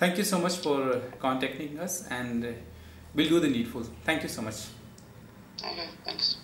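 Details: Adult male speaker; Typical adult voice.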